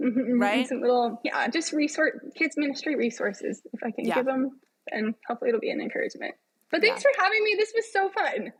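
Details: adult woman with spasmodic dysphonia, a vocal cord spasm she describes in her own speech during a podcast interview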